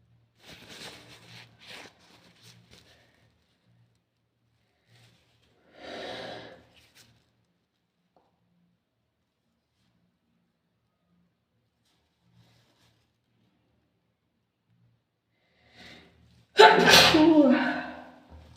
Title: sneezing into a tissue